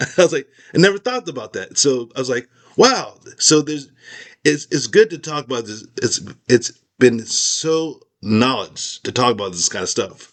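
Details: Aphasia after a stroke in an adult man whose skull was removed during recovery, with word-finding problems, repetitions and garbled sentences.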